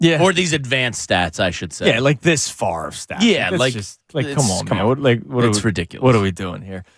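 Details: Adult male speaker; Normal speech.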